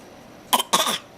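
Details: Two harsh, hacking cough bursts from a pet in a quiet room, the second longer: a bad cough.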